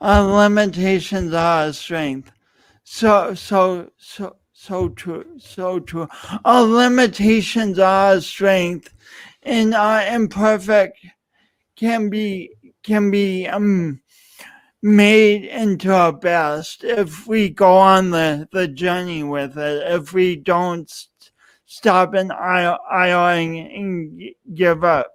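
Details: Adult male speaker; speech impediment.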